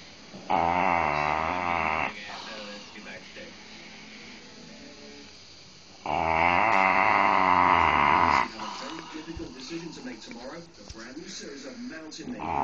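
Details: Dobermann dog sleeping after a day of lying about, snoring: two long, loud, rattling snores with quieter breathing and room noise between them.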